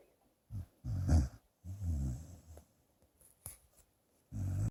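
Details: Sleeping dog snoring: irregular low, rumbling grunts and snorts.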